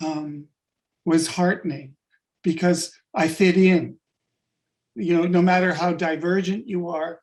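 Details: Adult-onset stuttering in a man with functional neurological disorder (FND), sudden onset five years ago on waking unable to speak with up to 20 seizures daily; speech regained but not fluency.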